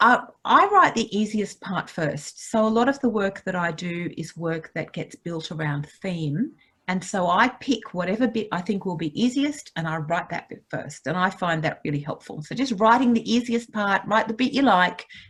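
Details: Adult woman speaking; ordinary speech.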